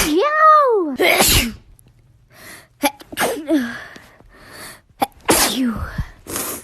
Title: Beautiful TikTok girl sneeze